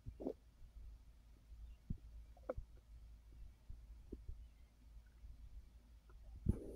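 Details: Quiet low rumble with scattered soft gurgles and clicks from a full belly while the person rests after overeating following a gummy; digestive bowel sounds.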